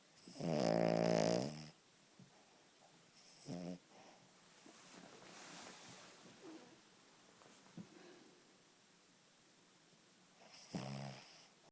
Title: A King Charles Spaniel Dog called Daisy snoring her little heart out